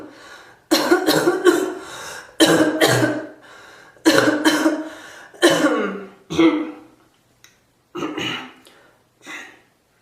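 Repeated bursts of harsh, chesty coughing, several coughs per burst, in a small echoing room; a coughing fit.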